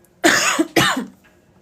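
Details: Cough from a pregnant woman who describes a persistent cough as one of her pregnancy symptoms; two short, dry coughs in quick succession in a quiet room.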